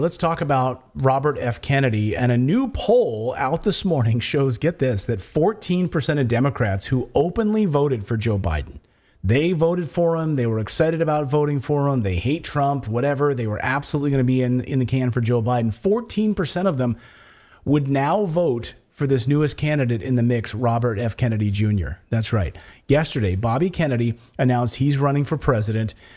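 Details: Adult man speaking; ordinary speech.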